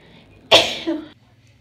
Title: Soft Sneezes (F) Cold Weather